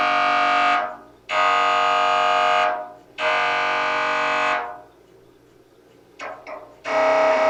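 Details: Real MRI scanner noise, sample to prepare patients (children) for a scan: loud repeated buzzing tones in blocks of about one and a half seconds with short pauses.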